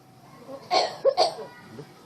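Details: Myna bird making a coughing sound: two short, husky cough-like bursts.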